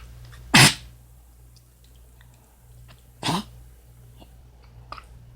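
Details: Dog, owner suspects kennel cough: two short, harsh, explosive coughs a few seconds apart.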